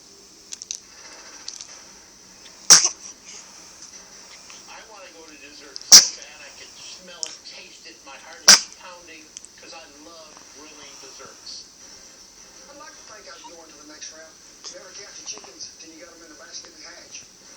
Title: Sneezes at the end